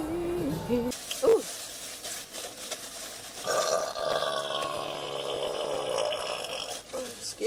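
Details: Girls burping during a mukbang: a brief voice, then drawn-out, croaky belches with some background noise and music.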